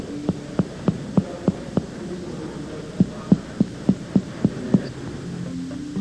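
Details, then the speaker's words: Teaching demonstration of abdominal percussion on a patient, finger-on-finger, starting in the right lower quadrant and moving clockwise: quick, even hollow drum-like taps in two runs of about six; tympanic note, a normal finding. "Os sons produzidos pela percussão são descritos como timpânicos ou maciços. A distribuição ou as eventuais mudanças nesses sons determinam o tamanho e a posição dos órgãos e do conteúdo intraabdominal."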